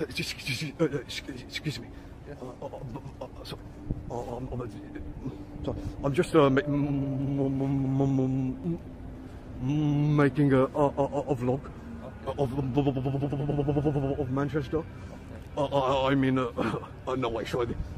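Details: Adult male speaker; stuttering.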